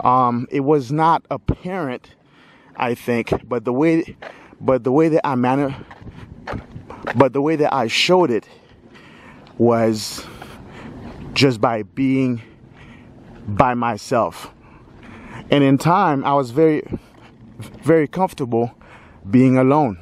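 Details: Stuttering in a 46-year-old adult male speaker who has lived with a stutter his whole life.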